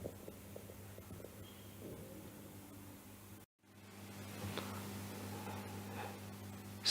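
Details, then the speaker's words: Patient with COPD and pneumonia: chest auscultation with brief popping inspiratory crackles and a faint musical expiratory wheeze; crackles plus wheezes. "este paciente, por ejemplo, es un paciente donde se escuchan crepitantes más cibilancias. Este es un paciente EPOC con una neumonía."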